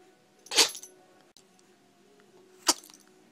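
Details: Female Chihuahua who sneezed for 5 minutes straight, last minute recorded and edited from 4 clips: two sharp, brief sneezes about two seconds apart in a quiet room.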